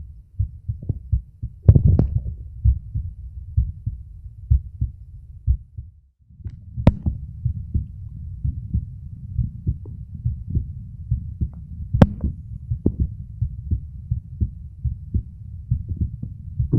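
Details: Male heart recorded at auscultation sites with a phone microphone: muffled, regular low thumps with handling noise and some louder knocks; normal heart sounds.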